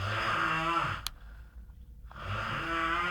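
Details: A giant man snoring in winter: loud, buzzing, rattling snore that stops briefly with a short click, then starts again; heavy snoring.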